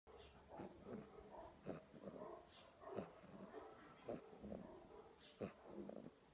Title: Golden Retriever snoring